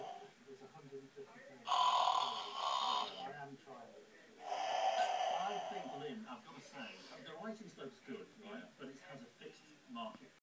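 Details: Snoring giraffe, with a cat also present: two rough snoring breaths against quiet room noise and faint background talk.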